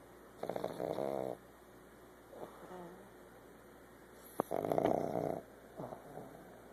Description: This is our pug Memphis who will be a year old in july. She snores ALL the time!